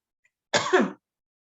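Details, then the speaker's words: A single short, harsh, loose-sounding cough after demonstrating an oscillating flutter airway-clearance device that loosens secretions, in a COPD and asthma bronchial hygiene session. "i always cough after i demonstrate it because it does loosen things up"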